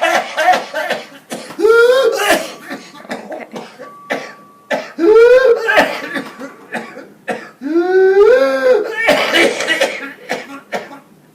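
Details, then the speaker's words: Runs of rapid hacking coughs, each ending in a high-pitched whoop on inhaling, severe and unrelenting: whooping cough (pertussis). "This is what the whooping cough sounds like in a child. You can hear the distinct whoop sound when inhaling."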